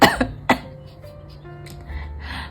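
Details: Three short, sharp cough bursts from an adult during a spoken tarot reading, followed by an apology for coughing, with soft background music; cough.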